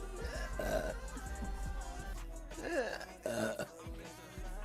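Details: Woman gives several short throaty belches in a row over faint background music; repeated burping.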